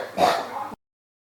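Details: A single short, harsh cough burst from an adult with a persistent, unstoppable cough, ending abruptly in silence.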